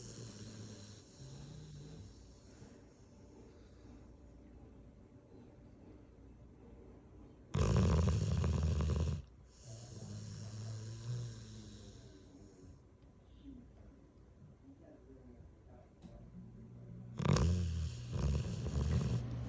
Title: 98 year old dog caught snoring 🐶🦴🐾